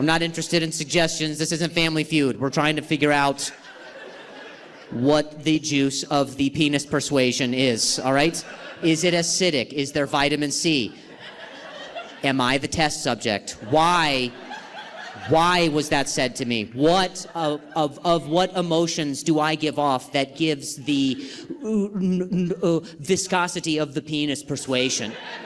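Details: Male stand-up comedian who stutters, performing live; he says his stutter is the worst in a long time and he has involuntary sounds and tremors this week; stuttering.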